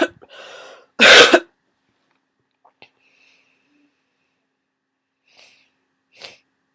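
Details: Person with a worsening cold: loud explosive sneeze after a short breath in, then a faint sniff and brief nasal snort.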